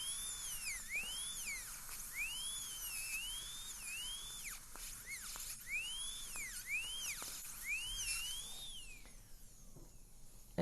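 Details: Dental drill adjusting a temporary crown on an immediate implant so it has no occlusal contact (unloaded temporary): a high-pitched whine rising and falling in short bursts as it starts and stops.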